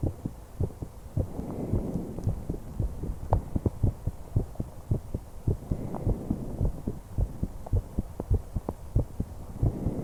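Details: A 21-year-old female's steady low heart thumps throughout, with soft breath sounds swelling and fading beneath in slow cycles: heartbeat and breathing heard together.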